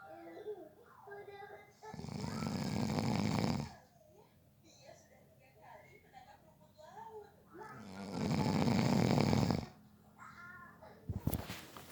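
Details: Snoring from a sleeping adult during a nap, said to have fallen asleep within 30 seconds: loud, rattling snores on breaths in, with quieter breathing between them and faint room noise.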